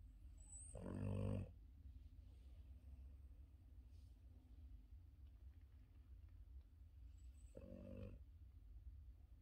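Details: Two deep, rattling snores about seven seconds apart, with quiet room hiss between: a Boston terrier in deep sleep lying on his back, snoring.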